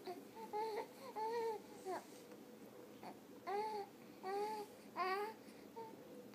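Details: Baby boy with hiccups, which he hates, cries: repeated short wailing cries with pauses between, fussing in a small room.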